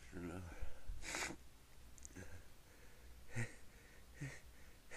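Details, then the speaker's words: Several short, partly stifled sneeze bursts over faint room noise. The person is trying to hold them back and says they can't stop and the sneezes keep coming. "Oh man, I can't stop. Sneeze. Fuck. Just keep coming."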